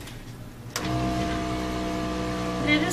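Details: During a tracheostomy suctioning demonstration, a quiet room gives way abruptly to the steady motor hum of the suction machine switching on.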